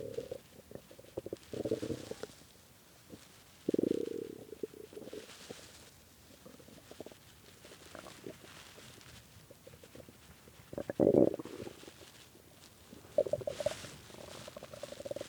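Low gurgling, rumbling stomach growls in bursts, typical hunger borborygmi from gas and fluid moving through an empty gut.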